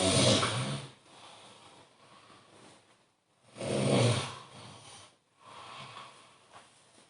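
Two loud, rough snores on the in-breath about three seconds apart, with quieter breathing between; ordinary snoring.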